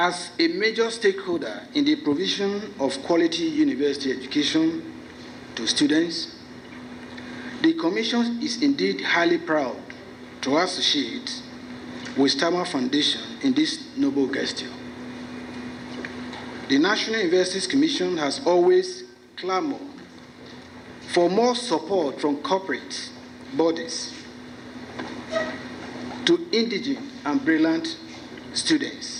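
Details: Adult man; fluent speech.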